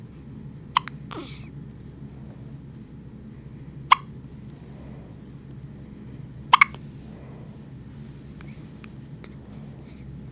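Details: A newborn only a few hours old: three sharp, brief hiccup clicks with short voiced catches, spaced a few seconds apart, over a low steady room hum; hiccups.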